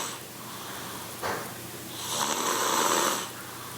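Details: Sleeping person after a birthday party, body moving with each snore: a brief soft snort, then one longer rasping inhaled snore in a quiet room.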